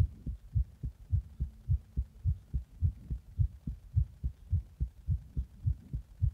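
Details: A person's rapid heartbeat, recorded in the bath after drinking a Monster energy drink and after compression.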